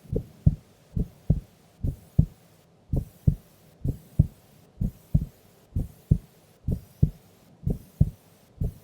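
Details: Female asleep during an afternoon nap: steady paired lub-dub heart sounds at about 65 beats a minute; calm, regular resting heartbeat.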